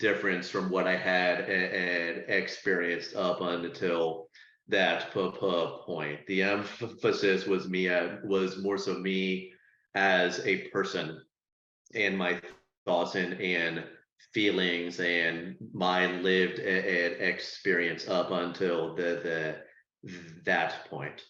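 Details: Person who stutters, with audible word and part-word repetitions; stuttering.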